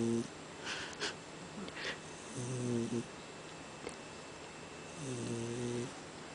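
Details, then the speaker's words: Sleeping cat, out cold, snoring: rhythmic, low, buzzing snores at about 22 a minute in a quiet room. "What's up, buddy? You done snoring? You're such you're such a funny cat."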